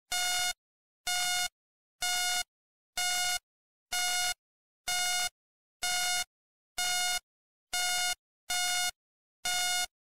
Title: [ASMR] - Hospital Monitor Beeping, Hospital Ambience, 1 Hour - Black Screen Sleep Sounds